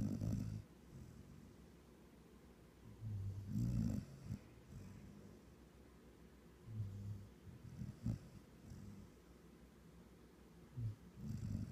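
Low rumbling snores repeat with each breath, about 17 breaths a minute, in a quiet room.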